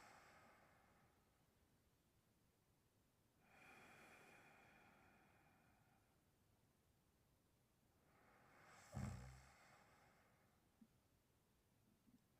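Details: Slow, quiet noisy breaths during sleep with one louder snort near the end; snoring.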